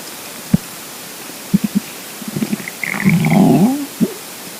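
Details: Low gurgling pops and a longer bubbling, squeaky rumble over soft background hiss: stomach rumbling (borborygmi) from a hungry, empty stomach.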